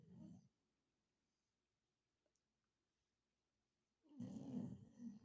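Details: Snoring: two low, rumbling snores about four seconds apart in a quiet room.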